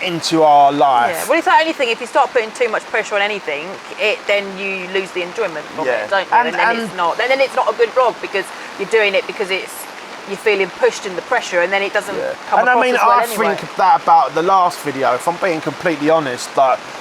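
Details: Adult speaker; typical speech.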